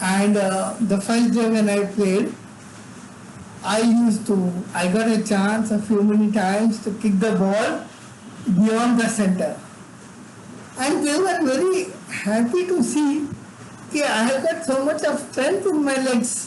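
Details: Adult man with severe cerebral palsy from birth, involuntary tremors throughout his body, unable to walk or talk until age eight: dysarthria in cerebral palsy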